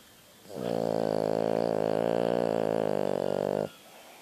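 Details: French bulldog giving one long, loud, vibrating snore of about three seconds with a buzzing, rattling tone; snoring.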